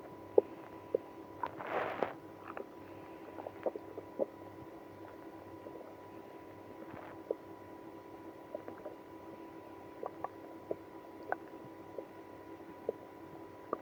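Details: Stomach growling in a person with irritable bowel syndrome after drinking milk and prune juice. Faint, scattered gurgles and squelching clicks with one brief louder rumble, in a quiet room: active bowel sounds, borborygmi.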